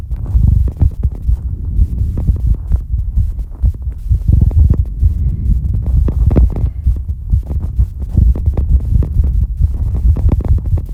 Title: exercise breathold heartbeat (heavy breathing)